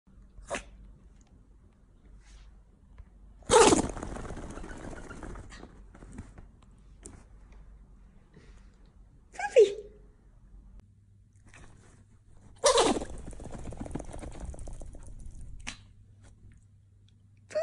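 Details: Pomeranian puppy's "turbo sneeze": three sharp, forceful sneezes, each followed by a burst of rapid snuffling.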